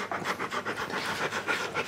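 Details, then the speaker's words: Fast, continuous panting, roughly four breaths a second, in a trembling female Rottweiler with suspected snail bait (metaldehyde) poisoning, given atropine just before. Classic signs of nervous system overload, at risk of seizure. "she really is displaying the classical signs but of a snail boat poisoning and you do have to have to act pretty quickly in these guys because they as you can see that system just goes into overload"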